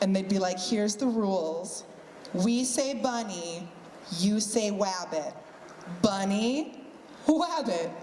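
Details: Adult woman re-enacting a childhood speech impediment in which she could not say "r", so "rabbit" came out as "wabbit"; r-gliding (w for r substitution), imitated.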